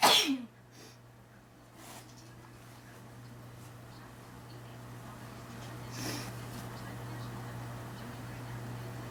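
One sharp, explosive sneeze at the start, then quiet breathing over a steady low room hum.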